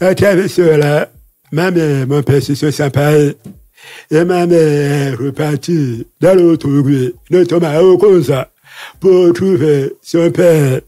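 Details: Deaf speech with altered voice in a man who lip-reads, deaf since childhood after an illness; he says his voice has not sounded normal since a childhood throat operation in paediatrics in Libreville.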